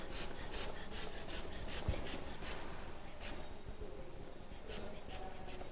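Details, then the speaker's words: Rapid, rhythmic squeezing and puffing of a hand bulb with the valve closed, slowly inflating a blood pressure cuff for the palpatory method until the radial pulse vanishes, on a patient of about 37 with headache. "ensure that the wall is closed and slowly inflate the cuff"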